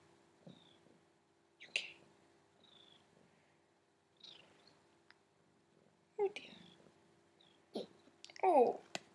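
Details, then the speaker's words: Cat hiccups: several brief, abrupt little jerking sounds at irregular intervals over a faint steady room hum. "You got hiccups, sweetheart? Yeah, you have. You got hiccups."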